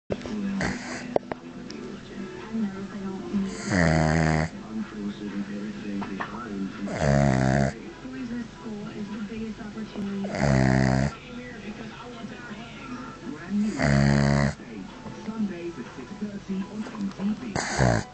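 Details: Dog sleeping with head back and mouth open, snoring: deep, rattling snores about 18 a minute over background talk and music.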